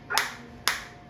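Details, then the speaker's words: Two sharp snapping clicks about half a second apart from a focused shockwave applicator, 1500 shots selected, intensity being raised stepwise from minimum (around level three) with audible sound change; shockwave pulses. "Three आप देख सकते हैं change sound में भी और मेरे को feel में भी आ रहा है।"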